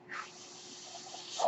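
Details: Speaker's own home mechanical ventilator running in the background while talking.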